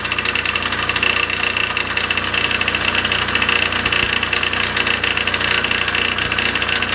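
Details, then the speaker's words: Failing dental air compressor in a basement utility room, found cracked and shedding gold dust: loud, harsh rattling and grinding motor noise with rapid irregular pulsing as it kicks on. "now when i was down there the compressor kicked on and it made this really terrible noise and i'll go ahead and replay the video here for you so you can hear it"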